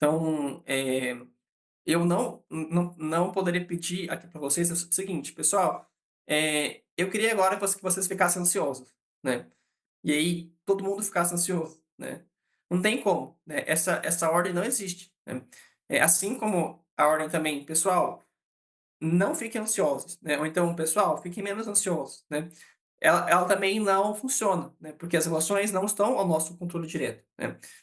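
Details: Adult man who stutters, a psychologist, speaking Portuguese; stuttering.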